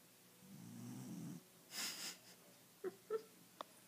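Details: Pet dog Copper snoring softly while asleep: a low rumbling breath sound, then a few brief snuffles and clicks.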